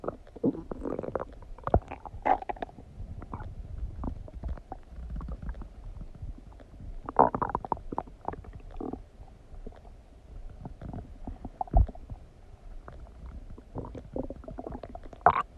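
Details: Stomach noises after eating donuts: frequent gurgling and rumbling with bubbling bursts throughout; bowel sounds.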